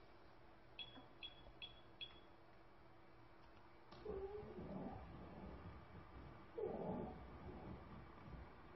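Noisy breaths with a high, whistling musical tone running through them, repeating about every two and a half seconds: wheezing.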